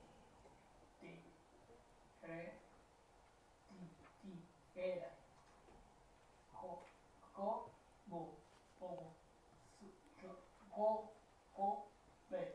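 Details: Adult patient; apraxia of speech.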